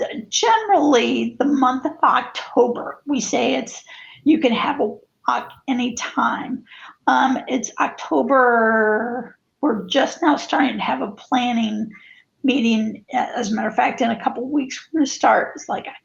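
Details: Spasmodic dysphonia, with co-occurring cervical dystonia affecting head and neck position; onset in 2017; adult woman.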